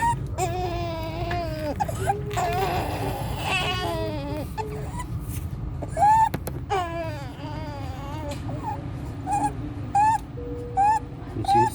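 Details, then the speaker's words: 14-day-old full-term newborn after resolved meconium aspiration, high-pitched cry with harsh noisy breathing in, severe chest indrawing, suprasternal retraction and desaturation; laryngomalacia is the most common neonatal cause: inspiratory stridor. "You see, severe chest drawing, suprasternal retraction, baby desaturation with the respiratory stridor."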